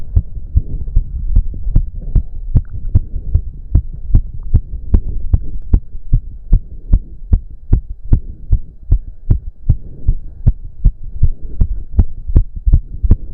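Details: Fast, pounding, regular heartbeat (heard around 150/min; owner reports close to 200 bpm) with a low hum and heavy breathing in a male during an intense cardio workout of about 15 minutes: exercise-induced fast heartbeat.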